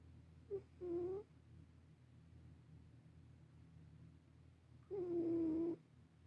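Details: A sleeping black cat makes two tonal, whistling snores about four seconds apart over a low steady hum: loud cat snoring.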